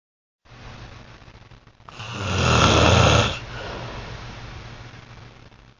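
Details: Snoring during sleep: a single loud, rough, rattling snore on an inward breath, with quieter breathing before and after.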